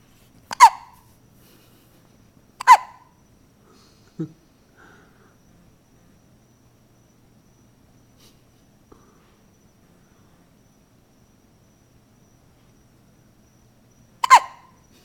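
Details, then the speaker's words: Hiccups in a one-week-old newborn who is getting sleepy: sharp, brief hiccup sounds at irregular intervals with quiet gaps between. "Okay, 1 week old. Hiccups galore."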